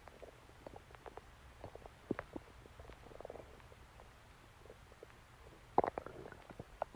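Soft scattered gurgles and squeaky bubbling over a low hum; stomach growling.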